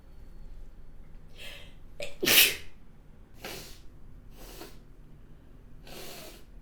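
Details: Acted, simulated hay-fever sneezing by a model: sharp inhale into one loud sneeze with softer sniffing and breathy bursts around it; sneezing (allergic rhinitis).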